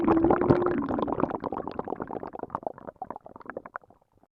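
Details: Stomach growling (borborygmi), likely from hunger: rapid bubbling, gurgling rumbles that start loud and fade into scattered pops over a few seconds.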